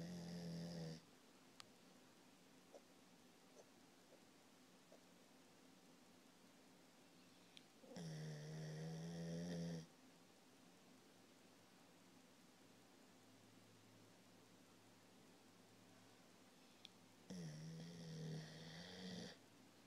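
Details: Snoring while sleeping after a long play session: two loud, rough, vibrating snores about ten seconds apart, with quiet breathing between them, in a quiet room.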